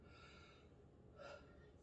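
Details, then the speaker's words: A 32-year-old man takes deep breaths in and out while the nurse palpates his chest for expansion during a respiratory assessment; normal deep breathing. "So what I'm going to do is I need you to take a deep breath in and then let it out."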